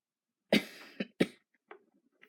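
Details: Unwell adult overheard by the kids: three sharp cough bursts close together, the first the longest, then faint breathing; cough.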